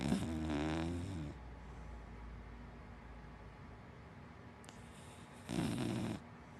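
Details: Hana, a big black dachshund–Labrador mix dog, asleep: two low, buzzing snores several seconds apart with soft breathing between; ordinary, harmless snoring.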